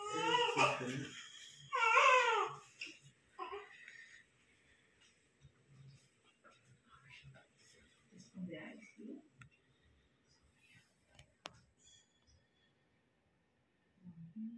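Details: A newborn girl, the mother's third baby, just delivered, gives loud, high-pitched wailing cries in her first seconds that fade to soft whimpers amid room sounds; a normal newborn cry.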